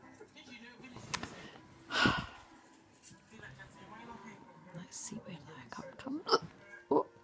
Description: Funnily enough....drunken hiccups